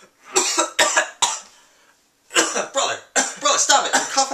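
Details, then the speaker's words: Repeated coughing from a person; a bystander complains about being coughed on, tells them to cover their mouth and asks if they want water. "all over me jeez cover your mouth at least what's wrong with you you want some water"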